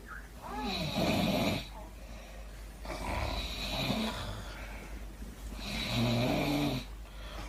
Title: my wife sitting and snoring